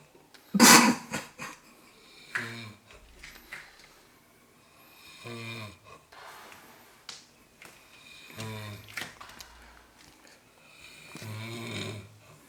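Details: Snoring recorded 3 December 2016 in Daecheon: rough, rattling snores in about three-second bursts, roughly four per ten seconds, with quiet pauses between, in a small room.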